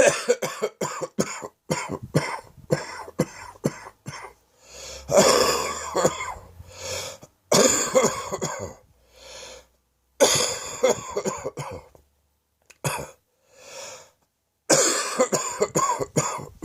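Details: Adult's own cough, now settled in the chest the morning after sleeping well: clusters of short, harsh coughs with longer rattly coughing bouts, a chest cough.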